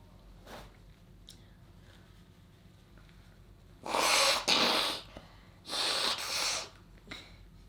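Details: Sneezing: two loud, sharp bursts of hissing air close together, with fainter sniffs before and after.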